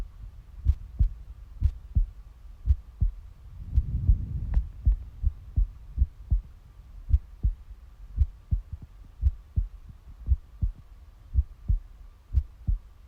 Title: passionate heartbeat sounds